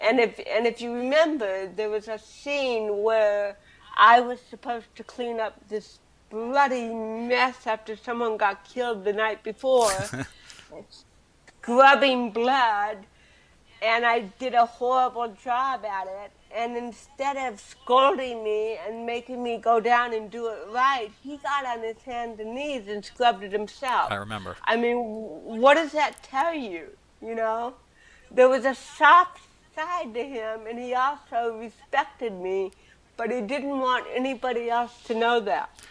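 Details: Adult woman with cerebral palsy since birth, speaking in an interview; dysarthria due to cerebral palsy.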